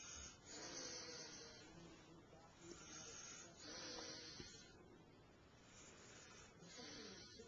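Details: A sleeping child snoring loudly, with slow breathing cycles of about 19 a minute and loud, hissy, rasping noise on each breath.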